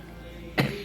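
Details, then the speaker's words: One short cough burst from an adult who says mucus is always about to choke them and that they need a cough drop; productive cough. "And uh I tell you that mucus be always about to choke me."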